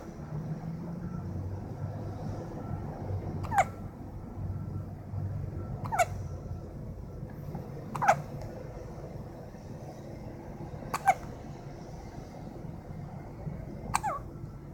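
Brief sharp hiccup sounds at irregular intervals, about five in fifteen seconds, over low room hum: infant hiccups.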